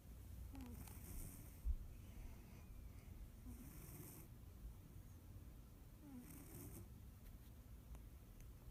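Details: Soft, rhythmic snoring with slow breath cycles, a low rumble on each breath and a faint hiss, over steady room noise.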